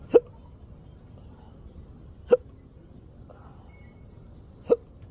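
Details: Intractable, long-standing persistent hiccups in a person who has a caregiver: three sharp, abrupt hiccups about every two seconds in a quiet room.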